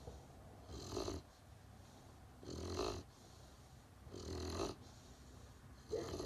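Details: Great Pyrenees puppy snoring in sleep: soft, rhythmic snuffling snores, roughly 30 a minute, each a brief rough breath sound.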